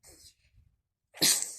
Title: Sneeze fit before going to sleep